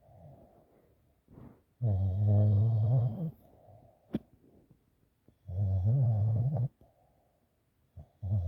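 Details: Sleeping puppy snoring: low, buzzing snores on each in-breath, about two in eight seconds, with soft breath-outs between them; snoring.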